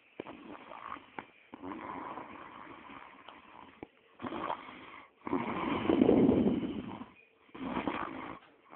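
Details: Person snoring, with irregular rough, fluttering breathing noises of uneven loudness and pauses between them.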